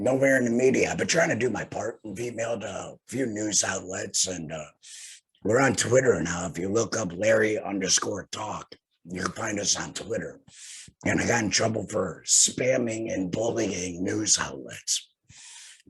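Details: Tracheoesophageal speech from a male laryngectomee using a TEP voice prosthesis fitted after laryngectomy for head and neck cancer; he has no larynx and says long talking causes phlegm.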